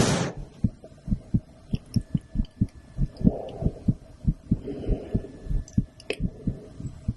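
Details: Woman's heartbeat recorded through a stethoscope after a blood draw: steady low thumping at about 95 beats a minute, with faint room hum.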